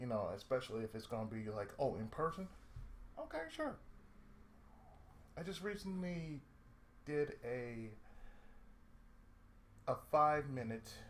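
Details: Adult male with cerebral palsy, lifelong, with speech problems since childhood; he reports an occasional lisp, mid-sentence breaks, pauses, and a drawl he calls sudden and sleepy; speech affected by cerebral palsy (dysarthria with pauses).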